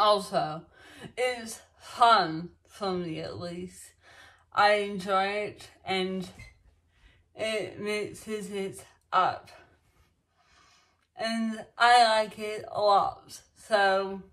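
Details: Woman with dysarthria that began after she became ill, speaking during her ongoing speech recovery, in which speech therapists recommended singing practice; dysarthria.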